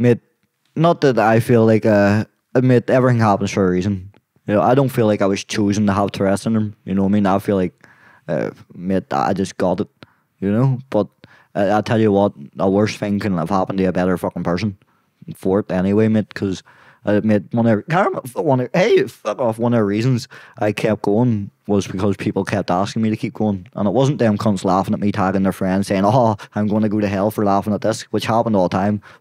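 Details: Young adult man with Tourette syndrome; tics began at 16 as a shoulder tic, spread across his body, then vocal tics followed; worsen with stress and cameras. Involuntary vocal tics of random words and swearing interrupting speech.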